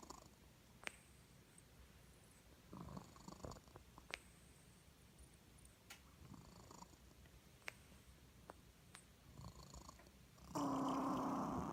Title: Snoring kitty